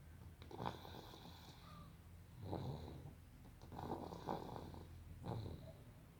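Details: A person sleeping and snoring: three soft rattling snores on in-breaths, about one every two and a half seconds, with low room hum; ordinary snoring during sleep.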